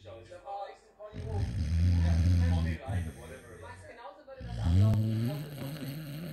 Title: Amstaff snoring